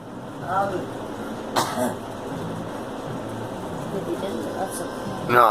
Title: Girl coughing